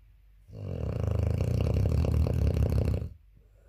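One long, loud, rattling snore on a breath in, lasting over two seconds, from a sleeping puppy.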